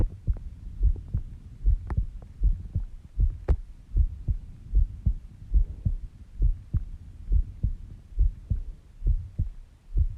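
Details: Soft, regular low thumps at about 70 beats a minute; a normal, slow resting heartbeat recorded during sleep at 5:30 am.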